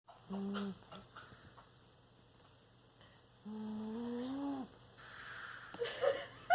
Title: Bulldog snoring